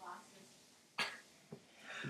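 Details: Person doing a double sneeze with eyes open: a quiet sharp burst followed half a second later by a smaller one, over faint room noise; sneezing.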